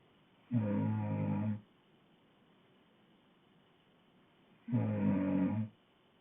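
Two loud, rough, rattling snores about four seconds apart, separated by quiet; heavy snoring during sleep.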